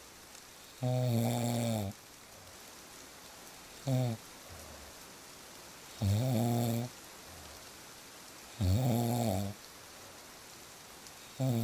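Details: Loud, rough, buzzing snores on each breath, about five in ten seconds, over steady rain, presented as real snoring sounds for sleep; ordinary snoring.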